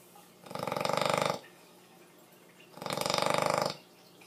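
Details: Female bully-breed dog snoring like a pig: two long, loud, rattling breaths with a rapid vibrating flutter, separated by quiet pauses.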